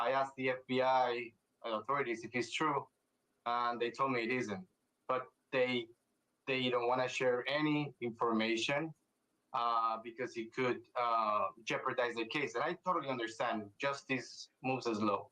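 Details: Adult man speaking; ordinary speech.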